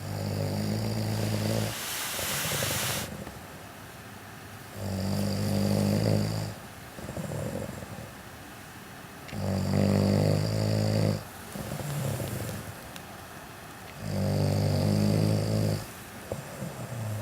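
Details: Adult father snoring while asleep, filmed by his child. Loud, rough snores about every 4–5 seconds (roughly 13–14 a minute) with quieter breaths out between them. Heavy snoring.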